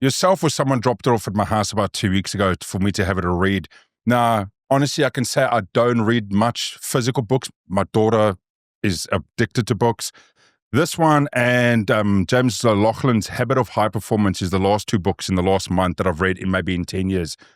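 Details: Adult male speaker; Typical speech.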